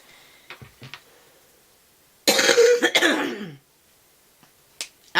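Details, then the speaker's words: One hard, wet-sounding cough burst with a short throat-clearing afterward, from a congested adult; the cough is loosening the congestion. "that was a hard cop I'm very congested yuck I didn't mean to but that means it's breaking up which is good that's a good thing"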